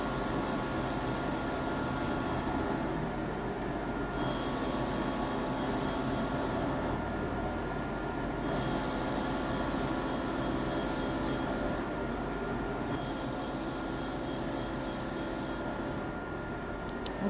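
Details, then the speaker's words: Fractional CO2 laser on a young female patient's forehead for acne scars, third session four weeks apart, after anesthetic cream: continuous machine hum and pulsed-air cooling airflow, faint tone switching on and off in bursts. "existe un système de refroidissement sous forme d'air pulsé qui permet à la patiente de moins ressentir la sensation de chaleur"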